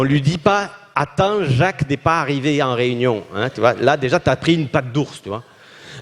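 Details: Adult man speaking French; normal voice.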